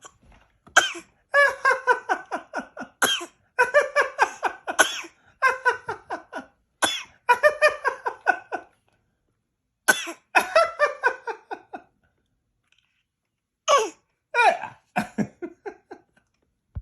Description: Cute 8 month old grandson making grandpa laugh by fake coughing.